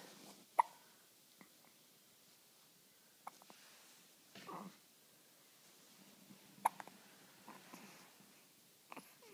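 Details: A 5-day-old newborn boy with hiccups: a few sharp, brief hiccup sounds spaced several seconds apart in a quiet room.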